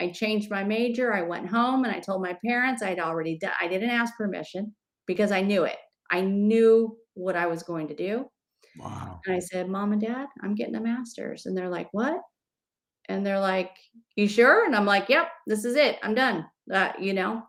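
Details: Adult speaker, likely female, conversational monologue; ordinary fluent speech.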